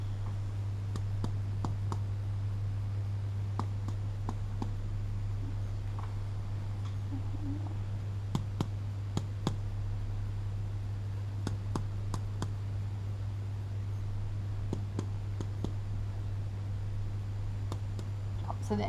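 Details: Sharp finger taps, mostly in pairs, over the supraclavicular and infraclavicular chest of an adult man in a simulated respiratory exam by a paramedic student: normal resonant percussion note with no dullness.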